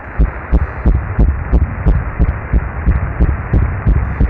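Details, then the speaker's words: Fetal heartbeat at 8 weeks after IVF transfer of a PGT-A-tested embryo, heard on the second ultrasound: rapid, regular whooshing thumps, measured at 176 BPM, a good rate for 8 weeks. "I had a record on the baby ultra sound heart bit so I can share with you in this video as well so here you are"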